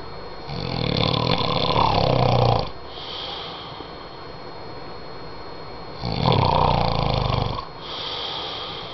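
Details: Snoring: loud, low, rattling snores on each in-breath from a sleeping man, with quieter out-breaths, about 11 breaths a minute.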